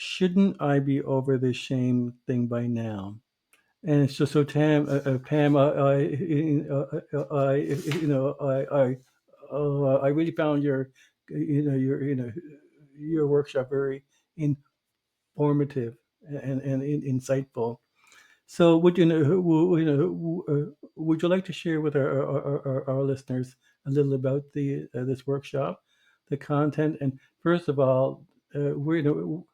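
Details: Stuttering in an adult host who was a covert stutterer for many years.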